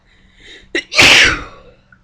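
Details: Single sneeze, one of a recorded series of four in which the sneezer tried to stifle the last: a short indrawn breath, then one forceful hissing burst that fades.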